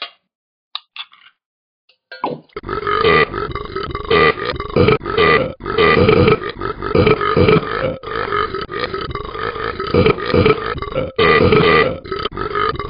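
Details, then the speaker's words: Talking Ben the Dog, an app cartoon character rather than a real person, with burping problems after drinking and eating: a long run of loud, rumbling belches after a brief quiet start. Burping. "Man, why do I burp when I drink and eat?"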